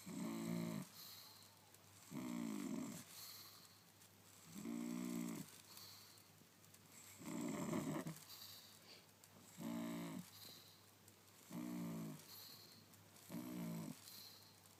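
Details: Pug snoring while asleep and twitching: regular snorts on each breath in, roughly 25 to 30 a minute, with quiet breaths out between.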